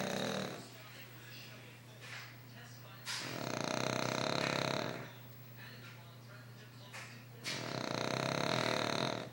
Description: Fat dog snoring very loud